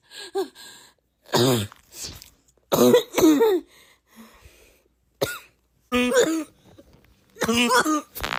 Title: tiktok cough comp 5